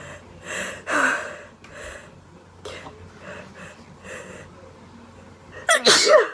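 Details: Girl sneezing: several gasping in-breaths build up, then a loud explosive burst after a drawn-out wind-up; sneeze.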